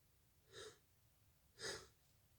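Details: A soft indrawn breath, then a single sharp, breathy sneeze.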